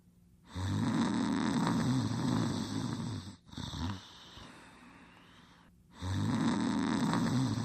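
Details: Cartoon character Caesar sleeping, simulated snoring sound effect: loud, rough, rumbling snores in long drawn-out bursts with a brief pause between.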